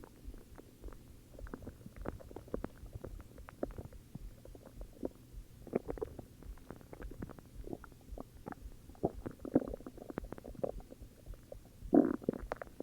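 Low gurgling and rumbling bowel sounds, ordinary stomach growling from gas and fluid moving through the gut.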